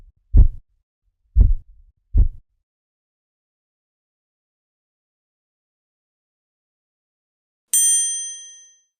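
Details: Korotkoff sounds heard during a blood pressure measurement.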